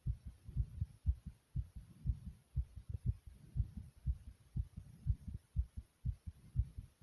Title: My Heart Pounding Loud